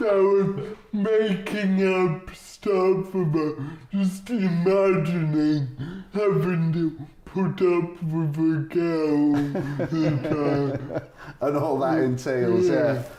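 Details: Adult man, comedian with cerebral palsy, real patient; dysarthria due to cerebral palsy.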